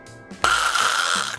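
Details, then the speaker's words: Imitated snore: a harsh, rasping inhaled noise demonstrating air forced through a narrowed airway during sleep, in an explanation of snoring and sleep apnea caused by the jaw and tongue blocking the airway. "소리는 이렇게 생길 때 소리가 이렇게 납니다. 그리고 아예 여기에 더 내려와 보면 하면서 공기가 통과하지 못하는 상황이 되죠."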